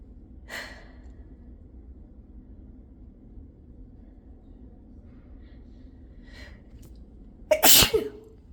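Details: Two soft breathy lead-in sounds, then one loud explosive sneeze in a quiet room.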